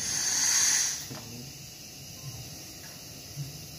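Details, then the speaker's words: Gnatus dental unit scaler handpiece for removing tartar: short burst of high-pitched hissing air-and-water spray, then quiet room noise. "di sini kita bisa coba dengan menggunakan Polsek Tanjung kita datang kesini maka keluarannya akan angin dan air"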